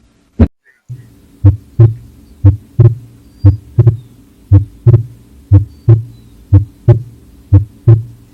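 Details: Normal heart sounds in a cow in veterinary student auscultation practice, steady paired beats at about 60 a minute, heard on the left side at the 3rd–5th intercostal spaces beside the olecranon over the mitral, aortic and pulmonary valves.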